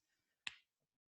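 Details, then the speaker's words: Clicking (crepitus) of an adult's shoulder, broken 25 years ago, heard during seated chair-yoga elbow circles with head nods; the person is in their mid-50s. "can you hear my shoulder clicking that's the one i broke 25 years ago"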